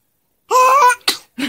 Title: 신생아 재채기 Newborn Sneeze